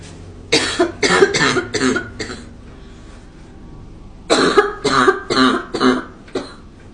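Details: Girl coughing: two bursts of about five quick coughs each, in a quiet room.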